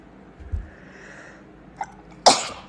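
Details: A small catch of breath followed by one sharp, explosive sneeze.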